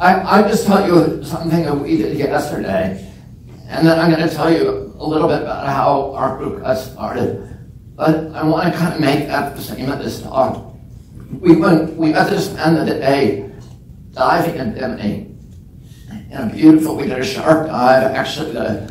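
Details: Real case: adult man with spasmodic dystonia, onset at age 42 after a previously strong voice; he says it makes his voice tremble, becomes less noticeable or goes away after speaking a while, and is painless. Spasmodic dysphonia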